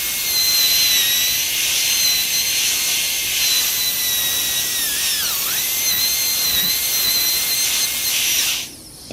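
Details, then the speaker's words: High-speed dental handpiece: steady high-pitched whine that dips briefly as it bites, then stops, while placing the functional cusp bevel with a diamond in a cast gold crown prep on a model mandibular molar. "The functional cusp bevel is placed next. Again, note the orientation of the diamond relative to the remaining intact tooth structure."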